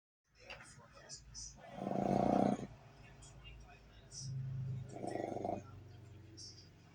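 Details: Female Boston terrier snoring with her eyes wide open, seemingly half awake; low snoring sounds.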